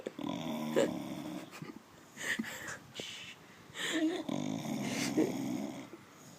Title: Fat, lazy bulldog snores like trucker